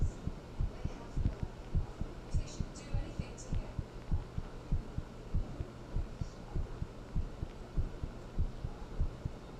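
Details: Normal, slightly quick heartbeat at about 100 per minute, recorded after talking with someone and then thinking about them: steady low thumps over a faint hum.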